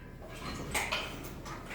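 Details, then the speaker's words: Brief fine crackling pops over continuing vesicular breath sounds, like velcro pulling apart, as inspired air unsticks secretions in alveoli, as in pneumonia; lung crackles, teaching example. "Entonces cuando entre el aire despega la secreción y suena así han tenido alguna vez zapatilla con pega pega se llama velcro y suena como cuando se despega el Pega pega"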